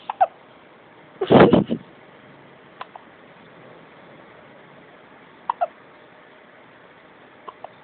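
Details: Male's hiccups: short, sharp, abrupt catches of breath about four times in eight seconds, with one louder noisy burst between them.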